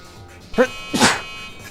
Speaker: I'm going to sneeze.